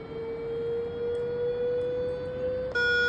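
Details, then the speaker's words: Defibrillator charging in a training demonstration after setting 200 joules and pressing the charge button: a steady electronic tone rising slightly in pitch, then a sharp switch to the ready-to-shock tone. "हे charge button आहे charge म्हटलं की इथे charge होणार"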